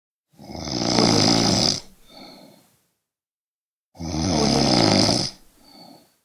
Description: This is the loop snoring sound effect